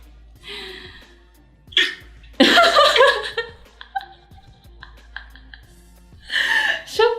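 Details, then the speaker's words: Acted hiccups in a Japanese language-app sample: speech broken by sudden, sharp gulping catches while talking, over soft background music. "出てきた。 The sound of hiccup came out! もちろん しゃっくりだよね。 Of course it is."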